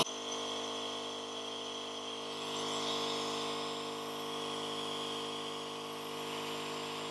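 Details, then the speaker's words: Home nebulizer compressor switched on for a treatment with a reusable nebulizer kit and mouthpiece, aerosolizing the medication: a steady mechanical hum with a high whine, the normal operating sound. "so now i'll actually demonstrate it so now i'm going to turn it on and when i do that you're going to be able to see the medication"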